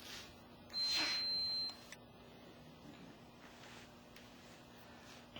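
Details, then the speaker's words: EnteraLite Infinity pediatric rotary peristaltic enteral feeding pump powering on after being plugged into the power adapter: a single high, steady electronic beep lasting about one second, followed by soft clicks in a quiet room. "once your pediatric feeding pump has been plugged in your unit may power on"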